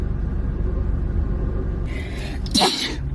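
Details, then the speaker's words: Young woman self-swabbing her nostril for a COVID-19 nasal swab test, about 15 seconds per nostril, with watering eyes: a single sharp reflex sneeze triggered by the swab, and she keeps sneezing. "gosh, I keep sneezing."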